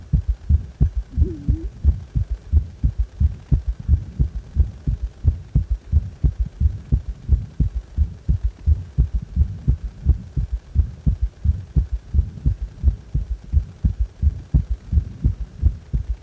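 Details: Regular low heartbeat around 87 a minute with an extra dull low sound after the second sound: a prominent (strong) third heart sound (S3).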